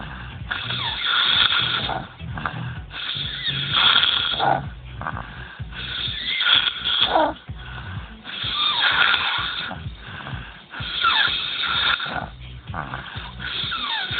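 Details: Man snoring while asleep; long, harsh, fluttering snores on each in-breath, about five a minute, with faint music behind.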